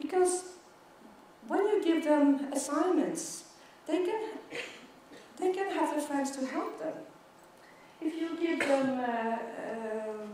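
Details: Stuttering in an adult woman who stutters, giving a keynote talk at a world congress for people who stutter.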